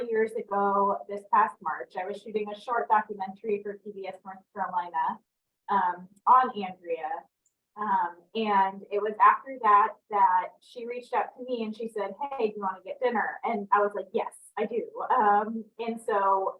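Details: Adult woman speaking; normal speech.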